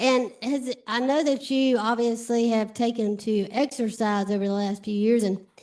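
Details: Adult woman; normal speech.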